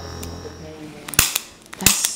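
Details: Joint cavitation during a chiropractic hip adjustment: music fades, then two sharp cracks a moment apart.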